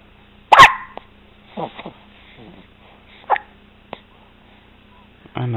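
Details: Baby with a loud, sharp voiced hiccup followed by a few softer catches and small clicks, quiet room hum behind; hiccups.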